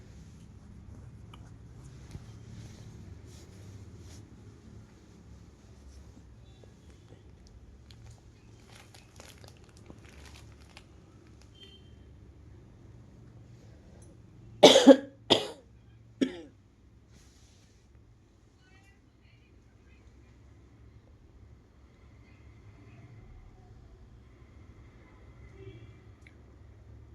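A quiet room with faint rustling, then a short cluster of two or three sharp coughs and a throat clear.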